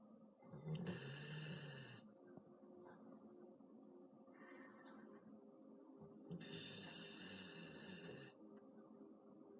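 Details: Two drawn-out snoring breaths with a whistling, buzzy edge over faint background television or music; snoring.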